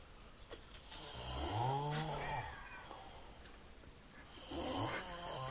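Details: Snoring in a sleeping dog lying on a bed, described as the loudest snore recorded: a long, rumbling snore rising and falling in pitch, then a second, rougher snore, with faint room noise.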